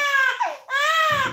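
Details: 3-month-old baby girl crying in pain non-stop after ear piercing: loud, high-pitched, sustained wailing broken by a brief catch of breath; an intense infant pain cry.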